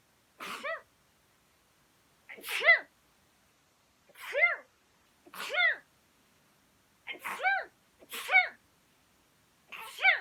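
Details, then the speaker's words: Compilation of 2020 sneezes: seven short high-pitched sneezes spaced a second or two apart, each a quick voiced burst with a hiss. "2020年くしゃみハイライト版、どうぞ。"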